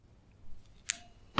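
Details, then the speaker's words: Left knee clicking for a couple of months, on straightening from deep flexion during a longer lunge: a single sharp, crisp click, then another brief snap; knee clicking. "and click now if I take the lunge a little longer go down and up again full click"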